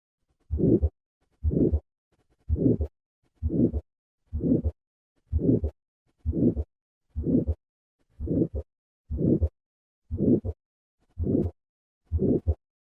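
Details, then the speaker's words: Patient with calcific aortic stenosis and a preserved A2: harsh late-peaking systolic murmur with each beat at about 65 a minute, with the second heart sound still audible. "listen first to a patient with a preserved a2 and compare that to a patient with a soft a2 first a preserved a2"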